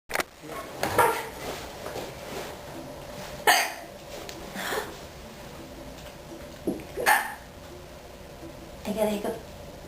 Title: Hiccup attack!